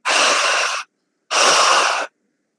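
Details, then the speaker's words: Imitated bronchial (tubular) breathing: two loud, harsh, hollow blowing breaths, mainly inspiratory, as heard over a consolidated lung area that still has an open airway. "Es decir, va a sonar como una respiración soplante bien en"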